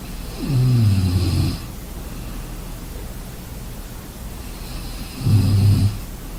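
Two deep, rumbling snores about five seconds apart over steady background hiss; ordinary snoring during sleep.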